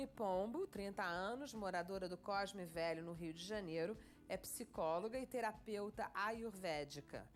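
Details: Adult woman narrator; typical speech.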